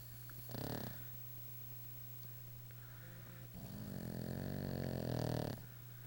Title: Duffy snoring